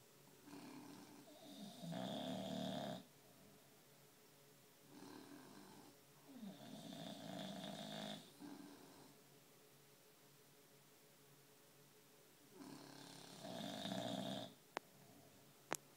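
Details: Two sleepers snoring at once in stereo: overlapping rattling, buzzy snores in irregular bursts separated by quiet gaps.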